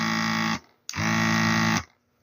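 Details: Battery-powered electric baby nasal aspirator (Multikids Baby): two bursts of steady buzzing motor hum, the first brief and the second about a second long.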